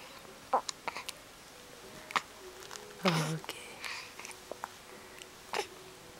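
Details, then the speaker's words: Several brief, sharp hiccup catches a few seconds apart from a little baby boy (Milo) in a quiet room with soft background voices; infant hiccups. "the hiccups a little bit, my son? Oh, the hiccups."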